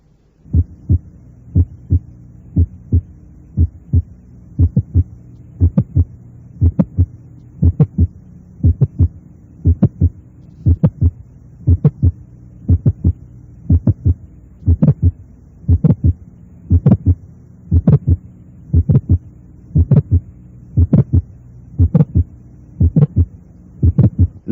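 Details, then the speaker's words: Simulated heartbeat near 59 a minute with an added systolic click, first single and then double; such clicks are heard best between the lower sternal border and the apex. "Añadiré un chasquido único y después un chasquido doble."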